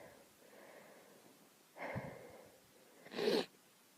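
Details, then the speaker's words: Girl allergic to dogs having a bad allergy attack in a car with a dog: quick indrawn breath, then one sharp, explosive single sneeze. "Having the worst allergy attacks in a car with a dog. I have to sneeze."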